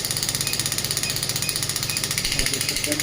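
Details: Steady rapid rattling pulses, about a dozen shots a second, from a clinical pneumatic radial shockwave therapy probe held on the demonstrator's hand, around 4.5 bar energy with frequency being lowered: radial shockwave device firing.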